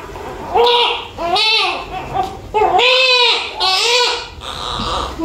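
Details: Strong, rhythmic crying in loud bursts from a newborn right after a normal vaginal birth, the baby placed on the mother's chest; a vigorous cry, a normal sign.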